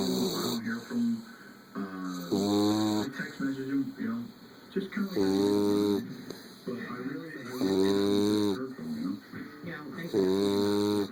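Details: Bulldog snoring: loud, repeated snores with a honking, vibrating tone on each breath, roughly 23 breaths a minute.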